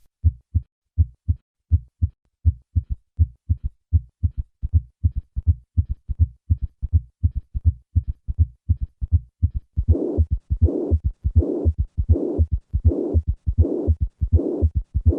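Regular low heart sounds near 81 beats a minute with extra soft filling sounds, then a louder blowing murmur: mitral regurgitation with third and fourth heart sounds.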